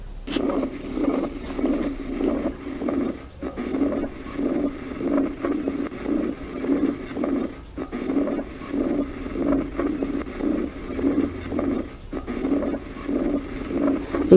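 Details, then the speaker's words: Ventricular septal defect murmur on cardiac auscultation in a dog: a rapid heartbeat with a harsh whooshing murmur filling each beat. "com essa doença ela se caracteriza pela passagem do sangue entre os ventrículos né Vamos ausculta cardíaca feita no exame físico"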